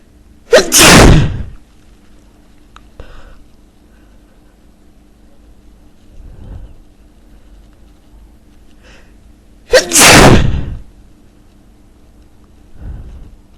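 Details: Two forceful, explosive sneezes about nine seconds apart, each followed by a quiet breath; powerful sneezes.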